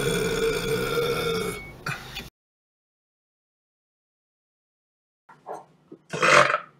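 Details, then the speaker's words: A long, loud, low rumbling burp, then silence and a second shorter burp, from a male YouTuber in a burping compilation; ordinary belching of swallowed air. "was a burp I mean Apple oh pardon me excuse me"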